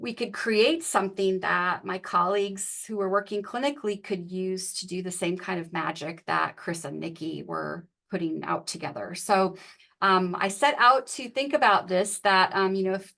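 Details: Adult female speaker; normal speech.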